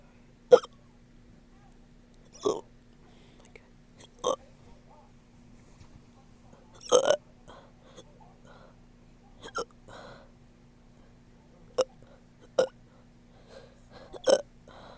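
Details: A person who woke up with hiccups: sharp, abrupt voiced hics recurring every one to two seconds, about nine in fifteen seconds, some burp-like (hiccup burps).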